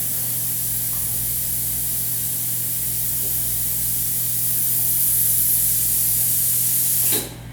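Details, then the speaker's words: Prophy jet (baking soda powder, water and air pressure) unit test: steady hissing water spray with a nice halo over a low machine hum, cut off abruptly as the water stream is adjusted down. "we have a nice halo meaning to spray the water you can also adjust the water down"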